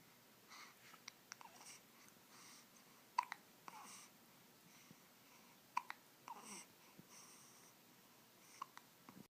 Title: waking up with hiccups